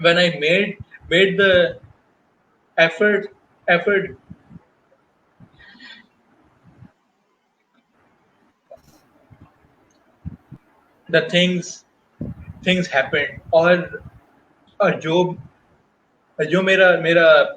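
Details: Guest on a stuttering talk show, speaking Hindi/Urdu with repetitions such as 'मेरा मेरा मेरा'; stuttering.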